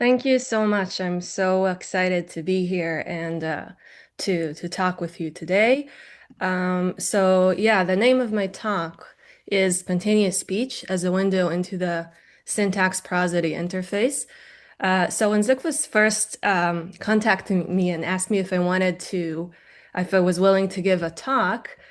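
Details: Adult woman; normal speech.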